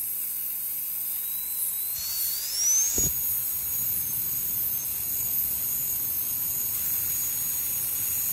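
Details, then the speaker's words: Steady high-pitched high-speed dental drill whine rising in pitch, with a brief low thud, during the initial punch cut into the mesial pit to 1–1.5 mm depth, under rubber dam, in a Class II cavity preparation. "penetrate the meal pit to I depth of 1 to 1.5 mm for the initial punch cut the length of the burm may be used to approximate preparation depth"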